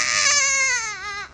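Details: A loud, strong, high-pitched cry falling slightly in pitch at the end: a healthy newborn boy's vigorous cry just after a vaginal birth without epidural at 39 weeks to a first-time mother.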